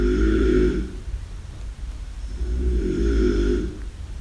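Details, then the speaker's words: A man with severe obstructive sleep apnea, dozing in front of the television, recorded a few rooms away through closed doors: two long, deep, rattling inhaled snores about 2.5 seconds apart, showing loud snoring and daytime sleepiness. "Well, that believe it or not is my snore recorded by my daughter, not while I was in bed, but when I was in front of the television."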